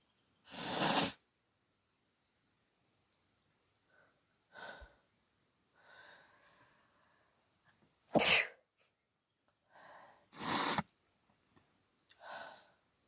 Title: allergy sneeze fit with noseblow